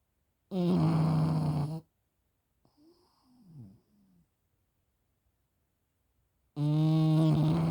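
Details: A sleeping pug snoring after eating chicken: two loud, rattling snores separated by a quiet pause.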